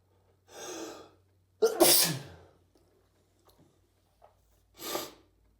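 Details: Sharp inhalation then two loud, explosive sneezes in someone sneezing constantly lately; repeated sneezing.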